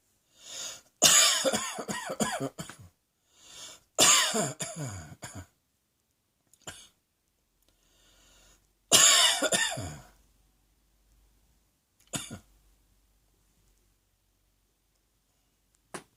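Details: Cough: three fits of several harsh, forceful coughs, with a couple of single coughs and quiet gaps between them.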